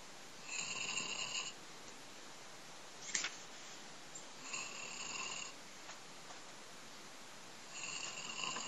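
Three hissing, whistling breath sounds recurring every few seconds against a steady background hum; snoring.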